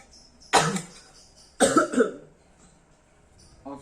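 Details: Nursing-practice demonstration of effective cough by an adult male patient after deep-breathing exercise, before sputum collection: one forceful cough, then a double cough after a pause, a deliberate controlled cough to clear sputum.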